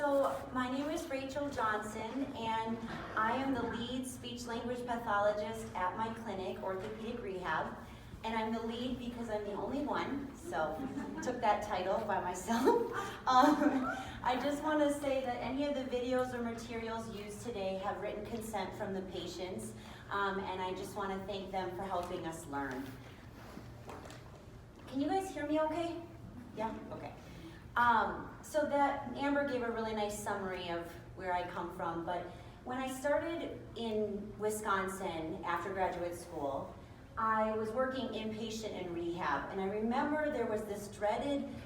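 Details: Adult woman speaking; typical speech.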